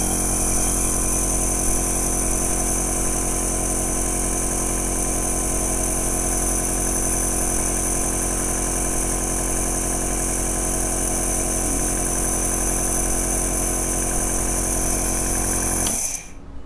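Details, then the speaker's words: Home compressor nebulizer with mask attached being switched on in a usage demonstration: steady loud motor hum with buzzing vibration and hiss, then switched off. "आप देख सकते हैं कि मैंने मौत को लगा लिया है अब मैं इसको ऑन करता हूं"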